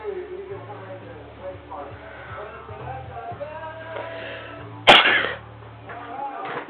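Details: Adult woman sneezing with her eyes open: a single sharp, explosive sneeze over quiet background music and low talk.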